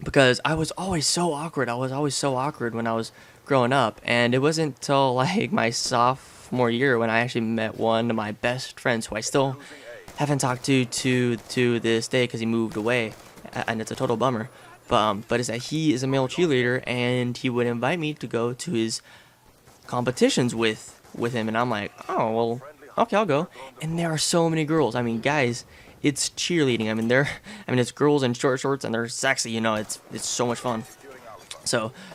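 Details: Real adult male with a lifelong stutter since about age six, now relatively mild after speech therapy, with a family history (grandfather, a grandfather's relative, a cousin); stuttering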